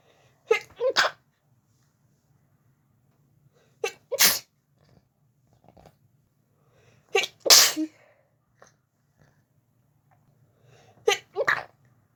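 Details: Sneezing fit in bed after turning onto the other side while trying to sleep: four loud sneezes, each with a quick sharp intake before the burst, a few seconds apart in a quiet room.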